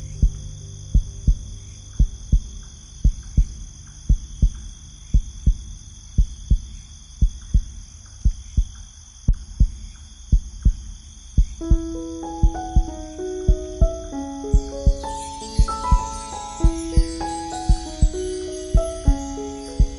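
Steady low thumps at about 57 a minute, regular, with soft piano and a hum over them; a slow, even heartbeat.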